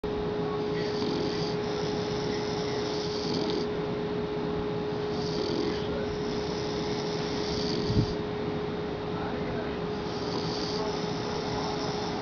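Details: English bulldog and adult man taking turns snoring: soft rhythmic snores about every two and a half seconds under steady hum and room noise; snoring.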